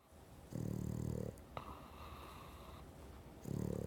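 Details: Female Boston Terrier snoring: two fluttering, rattling snores on breaths about three seconds apart, with quiet breathing between.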